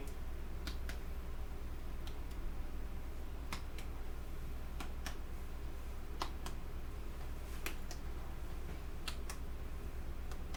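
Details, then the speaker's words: Nurse percussing the front of the chest of a 60-year-old woman in a practice respiratory assessment: light, sharp finger taps giving a normal resonant percussion note. "uh now i what i'm gonna do we're gonna i'm gonna do the tapping uh just like i did from the back i'm gonna do the same thing in the front okay"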